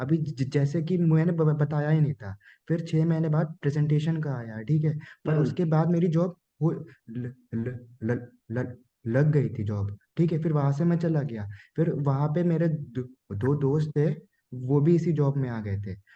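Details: 24-year-old man, Hindi speaker, self-described medium-level stammer; sound repetitions heard; stuttering.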